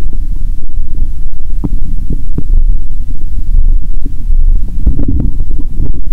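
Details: Steady low rumbling with irregular short gurgles and clicks over the abdomen, recorded through a stethoscope on a person fasting over 15 hours: bowel sounds.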